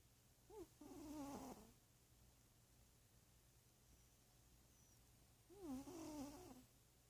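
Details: Snoring in a sleeping cat that a vet judged normal and healthy: two rattly, slightly whistling snores about five seconds apart.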